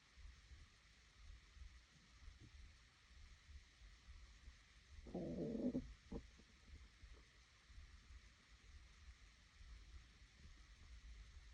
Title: Hungry Stomach growling 2